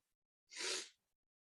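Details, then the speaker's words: A single sharp, hissing sneeze of about half a second from an adult smoker. The person suspects an allergy to the smoked strain's terpenes or possibly to pesticides. "Definitely affecting my allergies. I don't know if this is from pesticides."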